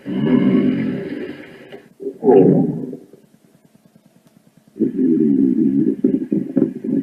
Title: stomach growling